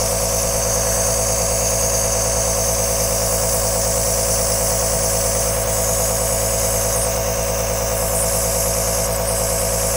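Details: Steady mechanical hum with rapid fluttering pulses and hiss: the continuous running noise of an aerosol nebuliser compressor, recorded as long soft white noise for sleep, relaxing or soothing a baby.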